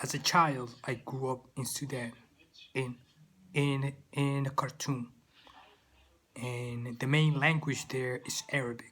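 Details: Stuttering in an adult man, who says it began in childhood in Sudan, with part-word and word repetitions.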